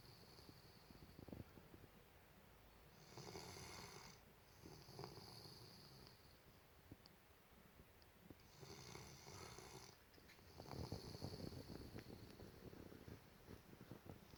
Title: Golden retriever snore.